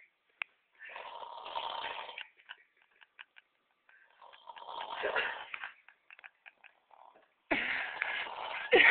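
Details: Repeated harsh, fluttering snores with quiet pauses between breaths; ordinary snoring.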